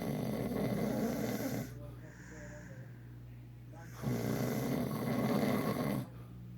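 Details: Loud, rough rattling snores on each inhalation with quieter exhalations between, about two cycles in under seven seconds; ordinary snoring.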